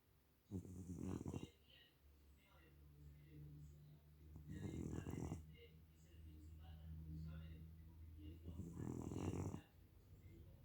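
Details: Cat snoring in sleep: three loud, rough snoring bursts about every four seconds, with softer snorting breaths between them.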